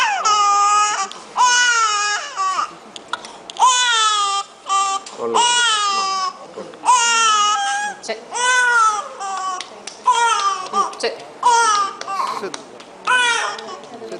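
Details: Expiratory grunting in a child, a key respiratory distress sign.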